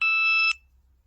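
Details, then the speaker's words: A single high-pitched, half-second electronic beep in a quiet room from a diabetic's continuous glucose monitor, alarming every five minutes when blood sugar is outside the target range. "i'm really curious if you guys can hear my um diabetes alarm going off it goes off like every i mean it sends a new reading to my phone every five minutes and if i am higher or lower than my like target blood sugar range it will beep at me"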